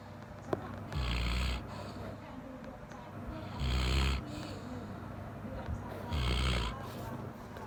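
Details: Golden Retriever dog snoring very loudly while asleep; snoring.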